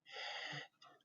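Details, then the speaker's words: Vocal imitation of a pleuritic breath murmur, a breathy high "eee"-like blowing sound said to be heard at the upper border of a pleural effusion and characteristic of pleural effusion. "Y el soplo plurítico es un soplo en e, se escucha como una"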